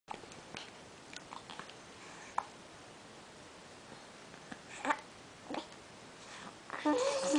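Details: Infant aged two and a half months with hiccups.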